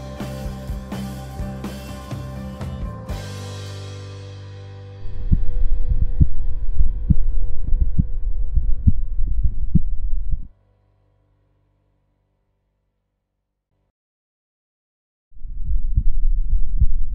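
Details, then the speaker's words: Normal heart sounds of the recorder's own heart, captured with a homemade electronic stethoscope (stethoscope head connected to a microphone, recorded in Audacity): low, regular thumps after a music intro; not for diagnostic use. "our electronic stethoscope is now ready for recording my heart beats later i will view the waveform of the recorded sound of my heart"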